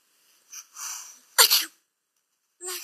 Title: Tooth falls out while sneezing